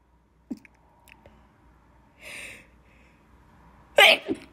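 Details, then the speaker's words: Person allergic to dust, sneezing repeatedly after cleaning, eyes watery; quiet room then a sharp sneeze burst with short follow-on during a sneezing fit. "So yeah, I did some cleaning, so yeah, I'm allergic to dust, so I'm sorry. I'm sneezing a lot."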